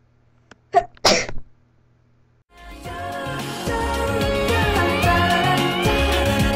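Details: Real human sneeze, accidentally recorded while speedpainting, used as a cartoon sneeze: short intake, sharp explosive burst, then music.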